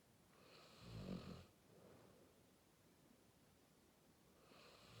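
Soft, low snoring breaths with a slight whistle, in a quiet room. Light snoring in a sleeping dog.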